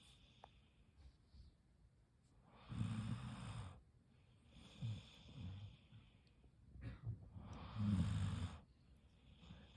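Three slow, low rattling snores with quiet gaps between, from a sleeping dog; ordinary snoring.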